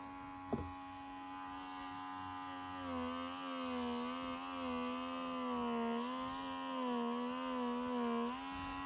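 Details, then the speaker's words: Steady high-pitched motor whine with slowly wavering tone as a vacuum ear wax removal kit on high setting is used gently in a person's ear, pulling wax out; ear wax vacuum device in use. "It's very gentle when it goes in the ear. You can see the wax is pulling out too."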